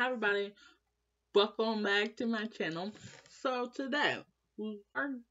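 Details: Young female with lifelong stuttering since starting school, always in speech class; worse when stressed; stuttering.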